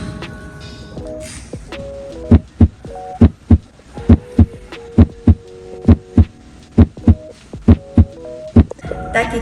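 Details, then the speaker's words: Normal heart sounds of a healthy heart: regular lub-dub at about 60 beats per minute. "el primer ruido que veremos se trata del sonido normal esto representa un corazón sano y su pulsaciones son de 60 hacia el latido por minutos el sonido sería de esta manera"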